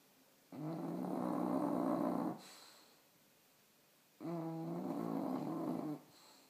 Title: Bailey snoring